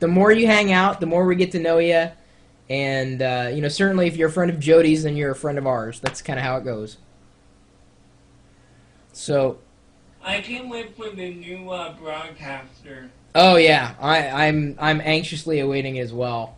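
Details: Adult men talking in a small room; ordinary conversational speech.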